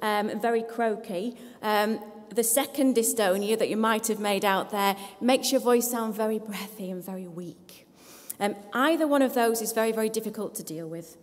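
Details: Adult woman speaking; no voice disorder.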